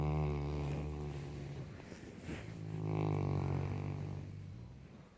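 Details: Saint Bernard dog snoring: long, deep, buzzing snores, one breath drawing into the next, loud and sustained. Snoring.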